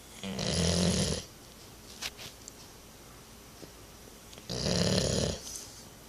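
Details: A retriever dog snoring while asleep: two loud, rough, rattling snores on the in-breath about four seconds apart, with quiet breathing between.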